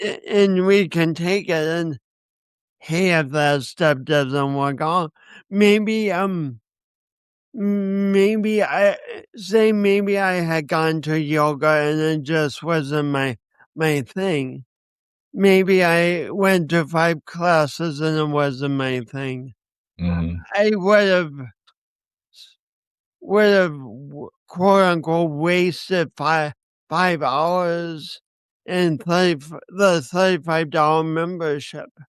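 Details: Man with a speech impediment accompanied by coordination issues, which he says he has not overcome; speech impediment.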